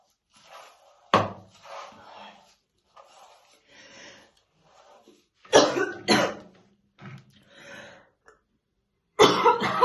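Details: Adult woman's real, intense smoker's morning cough while slowly brushing her hair: several harsh, heavy cough bursts in separated fits in a quiet room; smoker's cough.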